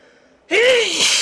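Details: Adult male with lifelong very loud, powerful sneezes he can seldom stifle: a single loud, explosive voiced sneeze after a brief quiet lead-in.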